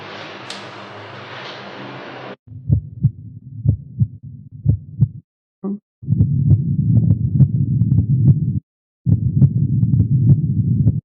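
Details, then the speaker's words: Brief rustle, then clear, regular, fairly fast heartbeats heard with a stethoscope at the apex, arm behind head, right after 15–20 squats; normal heart sounds after exertion, clear and rhythmic. "Оцениваем результаты аускультации. Тоны сердца ясные, ритмичные."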